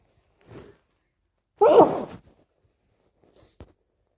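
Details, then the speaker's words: Announced sneeze, after repeatedly saying "I need to sneeze": a soft breath, then one sudden loud sneeze that fades out, followed by quiet. "need to sneeze. Oh, I need to sneeze. I need to sneeze. I need to sneeze again. I need to sneeze."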